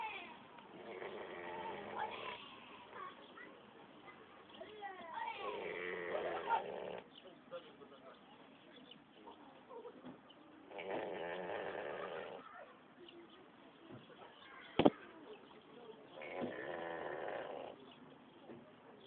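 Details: Snoring pig at a roadside mini-zoo: slow, rhythmic rattling snores, about four long, rough, grunting inhales in nineteen seconds.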